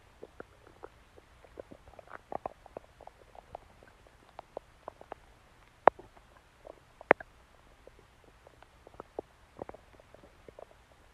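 Faint scattered clicks, pops and small gurgles from the belly against a quiet background; ordinary stomach growling from gut movement.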